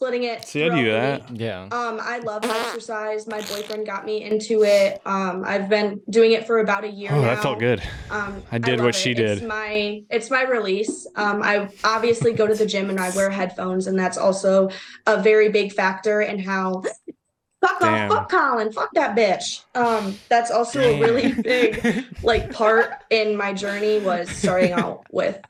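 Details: Young woman with Tourette syndrome, a neurological involuntary motor and vocal tic disorder, in an interview; vocal tics with coprolalia (involuntary swearing)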